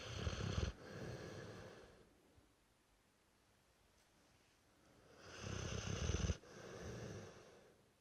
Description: Brewster the 3 year old Dorset old tyme bulldog snoring his head off :-)